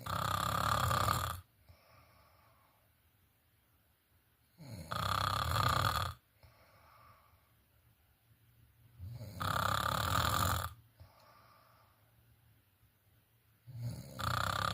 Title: Snoring in Sleep